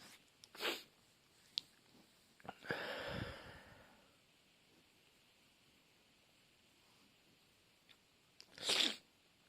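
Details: Sneezing fit: several sharp sneezes separated by quiet pauses, one with a longer airy release.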